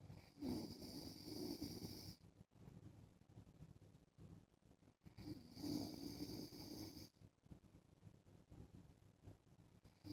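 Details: Husband snoring in sleep while wearing a mask: two long, rough, rattling snores on inhalation about 5 seconds apart, roughly 12 breaths a minute, with faint hiss between.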